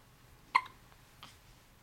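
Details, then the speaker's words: Infant: a single sharp, brief hiccup followed by a fainter one in a quiet room; ordinary infant hiccups, later resolved after tummy time. "you got the hiccups here give me a good squeeze here give me a good squeeze get me yeah hiccups oh man those are some big hiccups"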